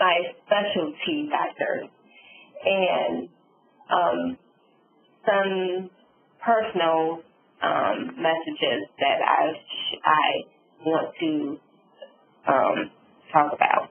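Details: Adult female stroke survivor with aphasia and apraxia of speech following a subarachnoid hemorrhage and stroke; she reports sometimes being unable to think of the word.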